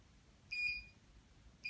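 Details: Short high-pitched electronic beeps in a quiet room: an electrocautery unit signalling while active as a dermatologist treats small nevus araneus (spider veins) on a patient's hand.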